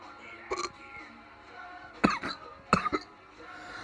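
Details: Very fast, spontaneous (not induced) hiccups: three sharp, brief throat catches in under four seconds over background music.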